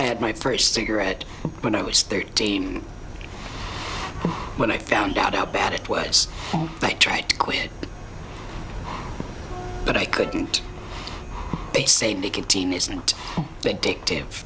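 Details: Adult woman whose larynx was removed in 1992 for laryngeal cancer, with a neck stoma and tracheoesophageal puncture surgery, long-time smoker since age 13; esophageal (alaryngeal) speech after laryngectomy.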